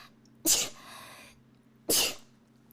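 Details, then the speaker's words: Two brief, forceful hissing bursts about one and a half seconds apart, a pair of sneezes, from someone who has been sneezing a bit since having something stuck up the nose. "a medium chicken meal i've been sneezing a little bit since i had to stick the thing up my nose"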